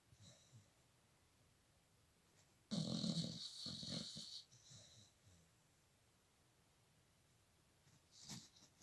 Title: Snoring Dog